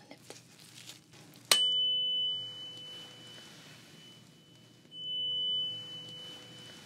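A sharp strike, then a pure ringing tone that fades; the fork is struck again a few seconds later. Tuning fork from a role-played hearing test.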